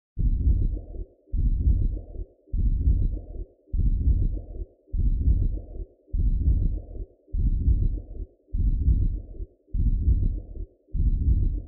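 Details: Regular pulsing whooshes from a Doppler probe recording the maker's own heartbeat, about 50 a minute, steady rhythm; an ordinary heartbeat.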